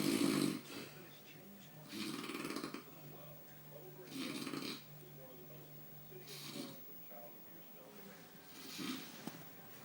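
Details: Person sleeping: rasping, hissy snores about every two seconds, with faint room noise between them; steady snoring.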